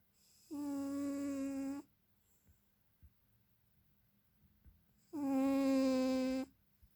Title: My cat is snoring